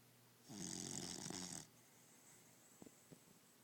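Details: Sleeping dog gives a single loud, rattling snore on the in-breath, followed by quiet room noise and two faint clicks: ordinary canine snoring.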